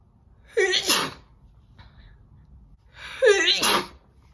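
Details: Two forceful, wet-sounding sneezes from an adult woman, each preceded by a quick intake of breath, separated by a quiet pause.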